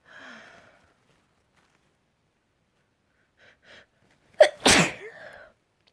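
A few catching build-up breaths, then one forceful sneeze with a trailing voiced exhale; an ordinary sneeze.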